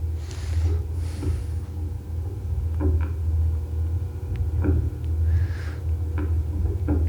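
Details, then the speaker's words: Slow, soft heartbeat thumps of a black bear in its den tunnel in Southeast Alaska, roughly 35–40 a minute, over a steady low rumble; a slow rate suggests probably an older bear. "so you got what that is sorry that's the heartbeat that that dark tunnel which can be 10 12 15 feet long is once in a while is throbbing with the sound of the heartbeat and if it's slow like that it's probably an older bear and you better be careful"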